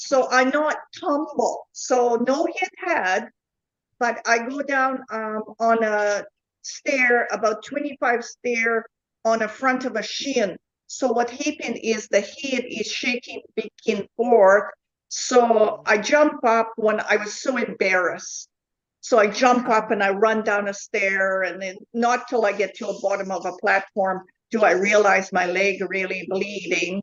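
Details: Adult woman with foreign accent syndrome since 2010: foreign accent syndrome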